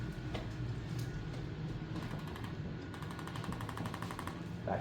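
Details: Chiropractic care of a pregnant woman at 39 weeks: rapid series of sharp mechanical clicks from a handheld adjusting instrument applied to the upper neck (occiput/C1), over low room noise.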